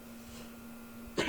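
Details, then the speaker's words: After about a second of quiet room hum, one abrupt, harsh throat-clearing burst, cut off, from someone recovering from a recent cough. "and I'll have to clean my throat so yes"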